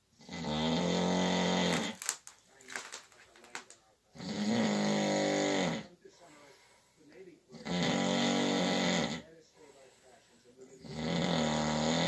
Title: Snoring in the dark of the night.